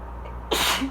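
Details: A brief intake, then one forceful explosive sneeze during an allergy fit while reading aloud about pollination; allergic rhinitis sneeze.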